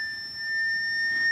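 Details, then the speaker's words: Steady, pure, high-pitched tone from a hearing test video played to a pet cat, which panicked at the sound. "Okay, so I have this hearing test, and I have my cat Princess, and it goes really high pitched, so we'll see how she reacts."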